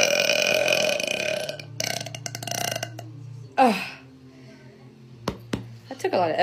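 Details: Long, low, rumbling burps from an adult, with a louder gassy belch partway through; belching.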